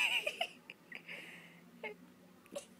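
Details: Infant girl crying because of hiccups that upset her: brief, high-pitched crying and whimpers broken by short catches, in a quiet room.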